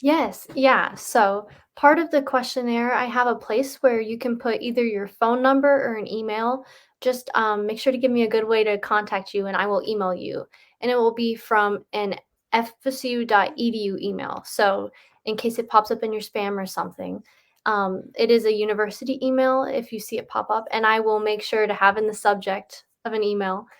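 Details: Adult woman speaking; normal speech.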